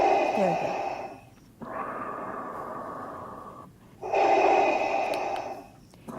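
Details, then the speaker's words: Adult with a tracheostomy demonstrating how breathing sounded when the trach became very wet inside from breathing wrongly in panic: loud, harsh, rattling wet breaths from secretions in the tube. "so I breathed the wrong way and my trave ship got very wet inside and I sounded a little bit like this can you guys all hear that"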